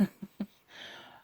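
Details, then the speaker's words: Adult who reports being in a bad state with severe asthma, severe sleep apnea and weight gain: a few short low grunts, then a long, loud, airy, effortful breath, laboured breathing. "you know like my breathing's so bad right now I'm sure everybody can hear that you know I'm breathing"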